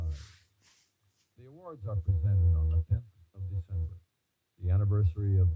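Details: Simulated bilateral moderate-severe sensorineural hearing loss: male voice reading a passage, heard through the simulated right-ear loss, quiet but somewhat clearer than the female voice.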